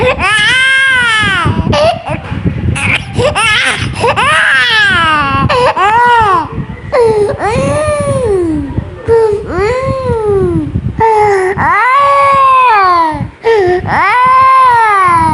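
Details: Young child sick with a cold, coughing, distressed and uncomfortable: sustained, loud, wailing cries with sobbing breaths. Crying.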